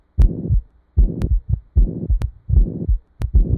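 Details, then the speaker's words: Ventricular septal defect: a loud, harsh holosystolic murmur running from the first to the second heart sound, best heard at the left lower sternal border, 3rd–4th intercostal space; regular heartbeat near 76 per minute. "We call it a holo systolic murmur because it starts with the first heart sound and goes all the way to the second heart sound without stopping. You can hear this murmur best at the left lower part of the sternum, usually around the third or fourth intercostal space."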